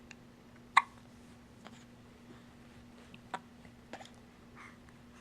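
Several short, sharp, quiet catches at irregular intervals over a low hum, typical of hiccups.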